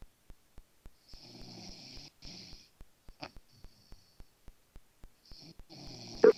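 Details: Male, said not to snore, sleeping: rough, hissing snoring breaths against a steady background ticking; snoring.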